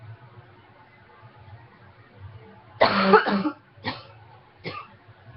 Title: Coughing #3